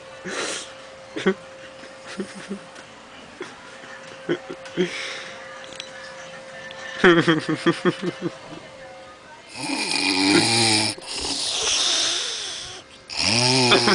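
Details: Woman snoring loudly during an afternoon or night sleep, a snore heard every day, recorded by a relative who is laughing; snoring.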